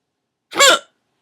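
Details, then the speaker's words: Person with persistent hiccups all day: one abrupt, voiced gulping catch of breath, a single hiccup. "videotaping myself because I have the hiccups really bad so we'll see if anybody can"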